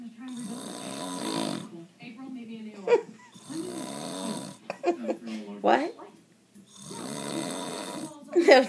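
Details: Adult husband, who insists he does not snore, snoring: loud rattling snores on inhaling, about three in nine seconds, with softer breathing and mouth noises between.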